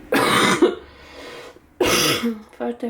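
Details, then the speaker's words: Sick adult: two harsh, noisy cough bursts followed by a brief voiced sound. "F see I still coughing and I have the worst part was that I was trying to cough"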